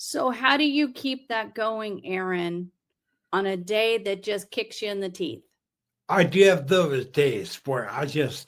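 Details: Two adults in conversation; normal conversational speech.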